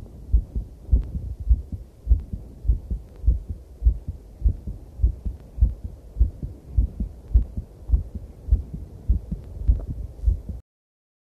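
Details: Own heartbeat recorded during a cycle ride, very noisy with clipping: quick, fairly regular heartbeat at about 103 beats a minute with rumbling background noise; heartbeat with exercise.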